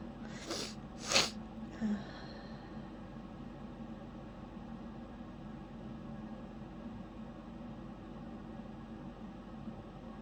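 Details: Stifled sneezes while trying to hold them back, with lots of sniffling: two quick, sharp suppressed bursts, then a softer snort over steady room hum.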